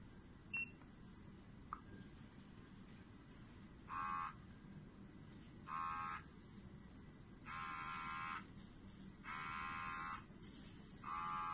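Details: XB-500 micro syringe pump running a Desferal infusion for thalassemia: short bursts of motor buzzing repeat about every 1.5–2 seconds over low room hum.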